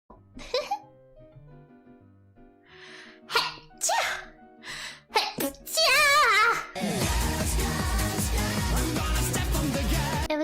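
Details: Two quick sneezes in a row from a female streamer during a live stream, followed by loud music; a double sneeze.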